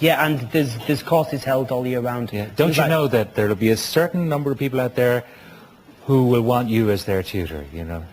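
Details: Adult male talk show host; no speech disorder.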